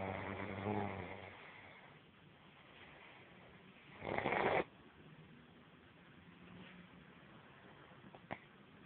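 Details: A man snoring softly and irregularly, with a few louder snorting breaths, against low room noise.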